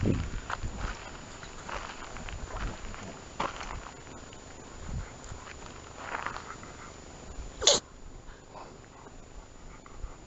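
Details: Maltese dog sneezing: several short, sharp nasal bursts, the loudest near the end, over faint room noise.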